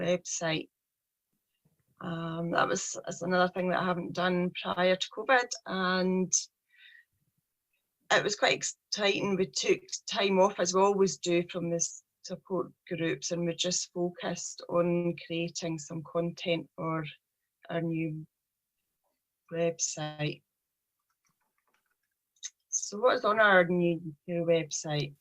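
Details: Stuttering (stammering) in a 43-year-old woman with a real, lifelong speech problem present since age three.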